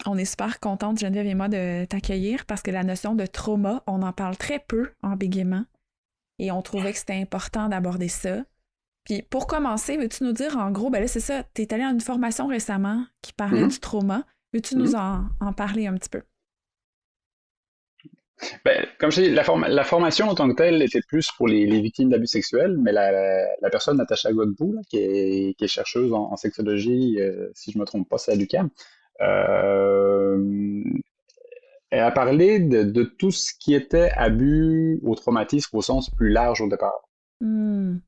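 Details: Adult woman with lifelong stuttering who reports still experiencing dissociation during stuttering moments; stuttering.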